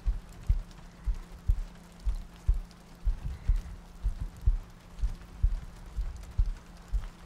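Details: ASMR sleep-aid soundscape looping heartbeats, soft breathing and rain ambience: soft, regular low thumps at about 60 a minute over steady rain noise, a heartbeat.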